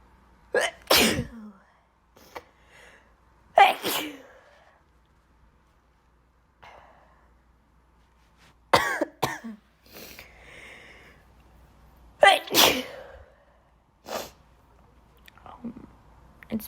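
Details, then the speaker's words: Person with allergies, sneezing alone at night: three loud sneezes with sharp intake and explosive burst, quiet breathing between. "a long time since I I record um loud sneezes so that's why that's what I'm doing right now"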